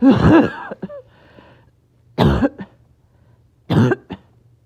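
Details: Person a little short of breath, caught in back-to-back coughing fits: three bursts of harsh, forceful coughing separated by quiet pauses.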